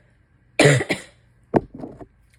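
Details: Sick adult with a runny nose: one strong, harsh cough burst, then after a pause a quieter, rougher throaty cough; a wet, chesty cough.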